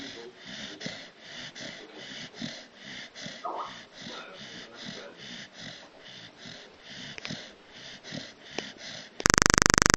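Soft, rhythmic snuffling snores from a sleeping dog, roughly three or four a second, then a burst of loud noise at the end.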